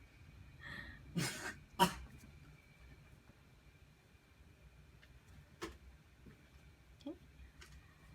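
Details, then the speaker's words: Two short, sharp coughs from children in the background, then a few fainter sounds in a quiet room: cough. "you can hear my kids coughing in the background I think they're they're trying to be"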